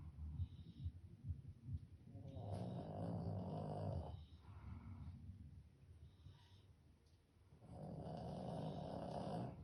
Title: #dog#Snoring#sleeping